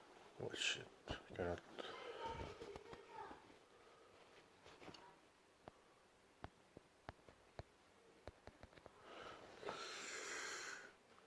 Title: World Loudest Sneezes